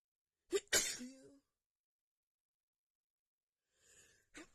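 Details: Female sneezing from an itchy nose after dust got in it while cleaning: two quick wet sneezes in a row, a sniff, then a third short sneeze.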